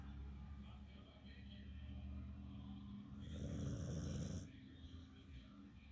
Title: Australian Shepherd snoring